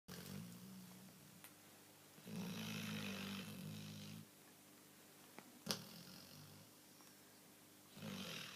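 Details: Millie snoring like an old man; soft, low rumbling snores on the breaths, about two cycles, with faint room noise and a couple of clicks; quiet snoring.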